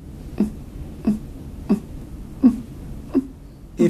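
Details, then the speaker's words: Expiratory grunting in a child: short, low grunts at the end of each breath out, about 44 a minute, a sign of breathing difficulty. "many children with pneumonia will make a noise like this when they breathe out this is called grunting"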